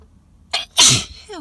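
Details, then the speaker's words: Sneezing fit in a parked car after breathing in outdoor air from nearby grass and trees, with a running nose and wet, messy sneezes: a sharp indrawn breath, then one loud, explosive, hissing sneeze and a brief vocal exhale. "oh my god the teasing is ridiculous i hate it i hate it i hate it whoa these are intense i wanted loud and i got it"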